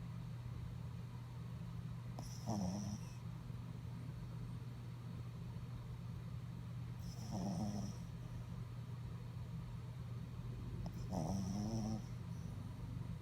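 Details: Rhythmic snorting snores, about one every four seconds, over a steady low hum from a sleeping dog: snoring.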